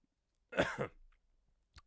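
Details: Adult who says they are ill and congested (bunged up): a single short double-burst cough with a brief click afterward, in a quiet room.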